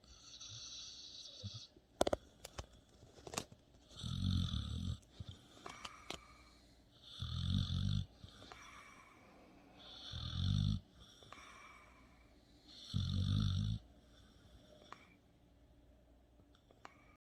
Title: One minute of dog snoring.